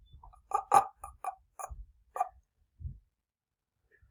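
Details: Laryngeal block in stuttering, demonstrated by a presenter: vocal folds closed with no breathing or sound, sometimes audible struggle but not the word's first sound.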